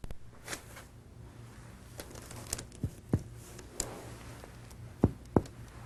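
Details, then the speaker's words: Resonant percussion note over the anterior chest, percussing from resonant lung downward toward liver dullness to locate the right diaphragm level. "if you want to check the level of the right diaphragm anteriorly percuss from resonant lung downward to liver dullness"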